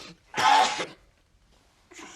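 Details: A single loud, explosive sneeze about half a second long, then quiet.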